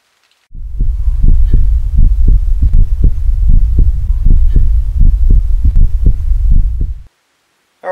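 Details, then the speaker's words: Heartbeat picked up by a homemade high-sensitivity amplified mic listening device held against the chest: loud, regular two-part thumps at about 105 a minute over a low amplifier hum. "I'm going to put this right against my chest right now, just to show you how sensitive it is. And you're going to hear my heartbeat very loud and very clear."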